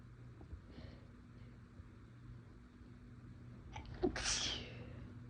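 A short catching inhale, then one forceful sneeze. Quiet room noise in the background. An ordinary induced sneeze.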